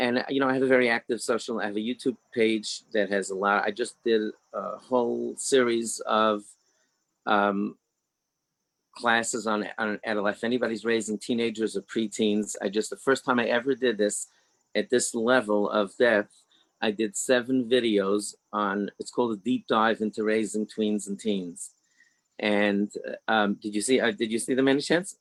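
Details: Adult man with mild stuttering; stuttering.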